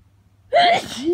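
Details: Hay fever allergy sneeze in the morning after pollen exposure through an open window: one sudden, loud voiced sneeze with a sharp onset.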